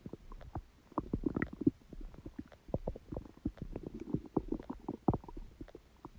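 Irregular gurgles, pops and rumbles from the abdomen: ordinary stomach growling from gas and fluid moving through the gut.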